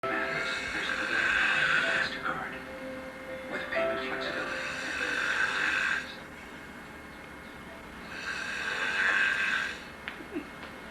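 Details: An adult cousin sleeping on a couch gives long, rasping snores about every four seconds, with a television playing in the background.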